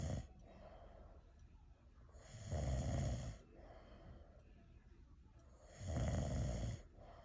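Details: An exhausted grandad asleep and snoring: loud, low rattling snores on two breaths in, with quieter breathing between; ordinary snoring.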